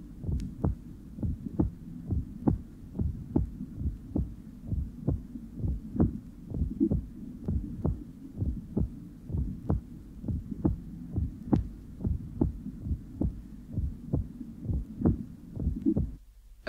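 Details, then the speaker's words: Fourth (atrial) heart sound closely preceding the first sound, regular rhythm near 65/min; same patient recorded after his blood pressure was lowered, so the atrial-to-first-sound interval is shorter. "the recording of the atrial sound will now be replayed and immediately afterwards a recording of the same patient after his blood pressure had been lowered the interval between the atrial and first heart sound is then less"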